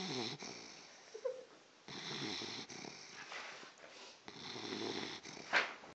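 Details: A sleeping dog, described as a sound sleeper, snoring like a rhinoceros: loud, rough snoring breaths with hissy noise throughout a small room; snoring.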